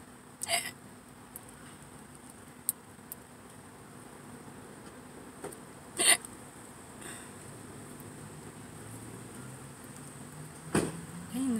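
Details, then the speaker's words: Person in a car at a parking lot, hungry before eating: about three sharp, brief, irregular throat clicks over quiet room noise; hiccups. "ways about to get busy I think hiccups and burps at the same time so weird yeah my body's like come on do something"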